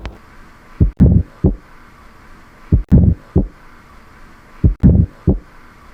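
Slow, regular heart sounds with a low rumbling murmur between beats: diastolic murmur of tricuspid stenosis.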